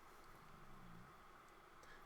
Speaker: is my stomach growling I'm really hoping you can't hear it Jeepers Creepers must be almost dinner time